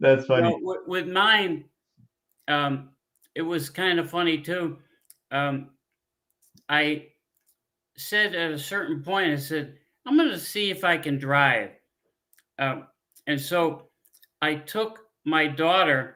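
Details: Adult man with aphasia after a stroke 15 years earlier; he cannot read or write.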